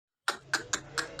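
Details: Goat with a severe cough, treated by a veterinarian with injections; cough.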